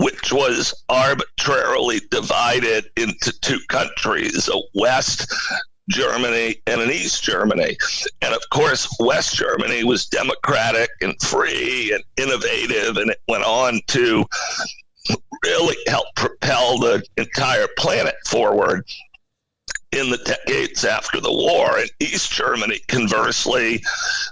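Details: Adult man with spasmodic dysphonia, a rare neurological voice disorder affecting only speech, acquired in 2010; no known cause or cure.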